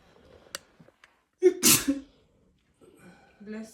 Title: My wife reaction after I sneezed three times will amaze you #funny #everyone #highlights #comedy